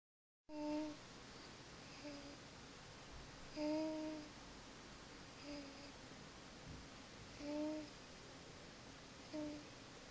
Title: Cutest snoring sounds ever... Listen